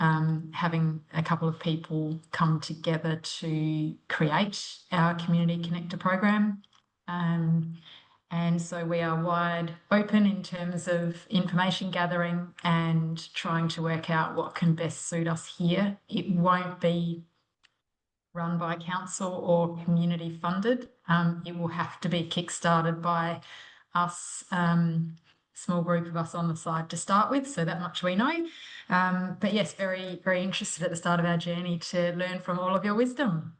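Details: Adult woman speaking; normal voice.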